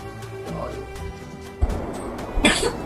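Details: Cough in a child with a cold.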